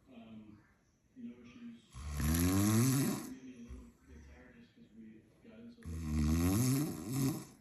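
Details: Two loud, rattling snores on breathing in, with quieter breathing between them: snoring.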